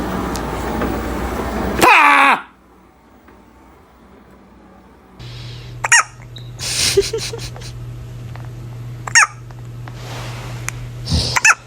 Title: Baby hiccups are so cute